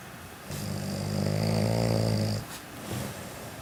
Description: my dad doesn't believe he snores so to prove to him that he does i took a video of him snoring woke him up and showed him the video.... HA IN UR FACE DAD!!!!!!!